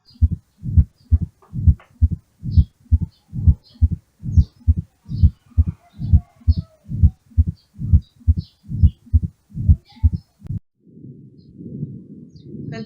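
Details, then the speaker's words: Mid-diastolic murmur at the apical area from mitral stenosis: a regular heartbeat near 67 a minute with a low rumbling murmur heard after the second heart sound. "mid diastolic murmur heard at the apical area is due to a mitral stenosis you hear the murmur after the second heart sound let us listen to it"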